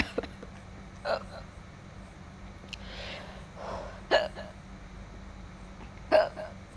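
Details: Girl hiccuping while eating food spicy enough to burn her lips: several short, abrupt hiccups about every two to three seconds over quiet room noise; hiccups.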